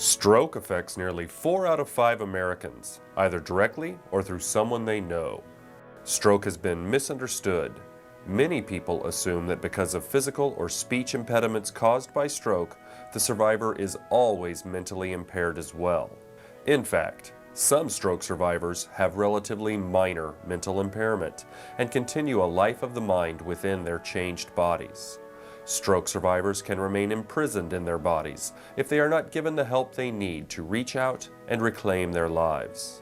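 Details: Adult male narrator; normal speech.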